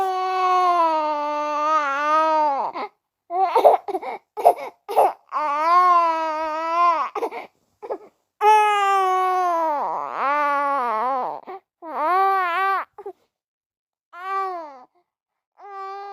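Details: Baby boy crying: repeated loud wailing cries with rising and falling pitch, broken by short breaths and whimpers; infant crying.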